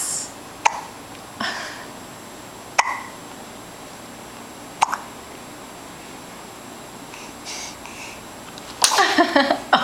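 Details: 3-month-old infant with hiccups: repeated short, sharp hiccups, about four in ten seconds, with soft baby sounds and an adult voice at the end.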